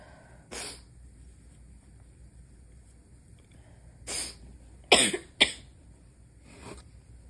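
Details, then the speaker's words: Nighttime stifled sneezing by someone trying not to wake their wife: four short, muffled, partly held-back bursts of air in a quiet room. "I'm trying to keep it quiet. Yeah, I can tell. It's not working."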